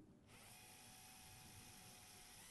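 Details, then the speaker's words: Steady high whine of a power drill with a sharp bit advancing through the far cortex of a bone model in a skills lab; the drill entered soft tissue about 3-4 mm. "now slowly advance your drill until you have the feeling that you have drilled through the trans cortex"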